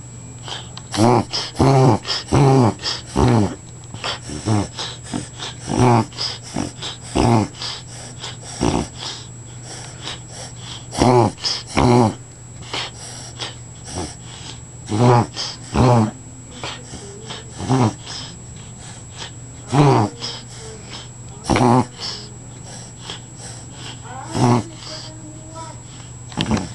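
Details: Dog reverse sneezing, checked by a vet: repeated loud snorting, honking inhalations in runs.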